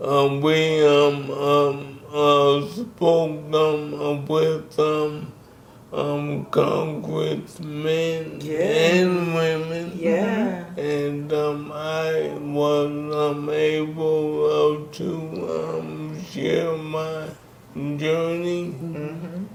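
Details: Man in his 60s with ALS; symptoms began in 2017 with a raspy voice, diagnosed in 2020; the disease started by affecting his speech, and he speaks with a delay; dysarthria due to ALS.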